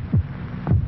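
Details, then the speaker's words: Human heartbeat from a vintage Bufferin headache-remedy TV commercial, stated as 72 beats per minute: two soft low thumps less than a second apart at a regular resting pace; normal heartbeat. "this is a sound of a human heart it will beat 72 times in this minute"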